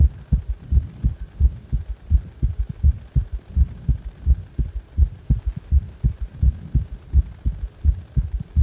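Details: Regular low heartbeat about 85 a minute with an extra soft low thud after the second sound; a strong third heart sound (S3) gallop.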